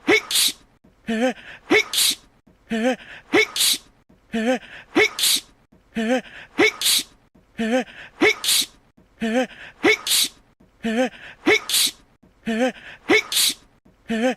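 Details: Animated character Yang Wenli's voiced cartoon sneeze looped repeatedly for 1.5 minutes, about 37 a minute; simulated sneezing fit.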